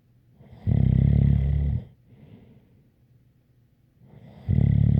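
Loud, low rattling snores on each breath in, with quiet breaths out between; ordinary snoring.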